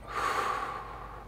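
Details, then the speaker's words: Normal lung sounds heard through a stethoscope over the chest: a single soft, airy breath, deep inspiration then complete expiration, rising then fading over about a second. "the other sound that doctors like to listen to often in the chest the other major organ is the lungs and we're listening to all parts of the Sounds here both inspiration that's the deep breath in and exploration the complete breath out"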